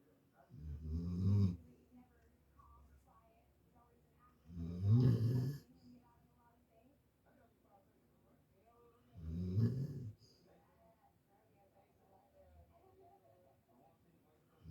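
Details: Female Labrador retriever puppy asleep and dreaming: three deep, rattling snores about four seconds apart in a quiet room, roughly 14 breaths a minute; snoring during sleep.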